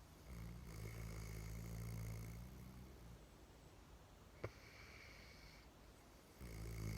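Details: Low rumbling snore on the in-breath, then a quieter pause and a single click, with snoring resuming at the end; snoring.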